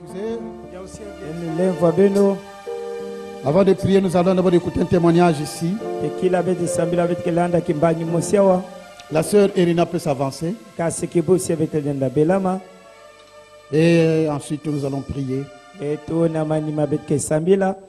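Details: Adult man speaking; normal voice.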